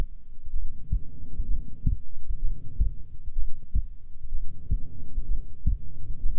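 Steady, regular low thumps at about 64 beats a minute over a soft rumbling background. Normal resting heartbeat.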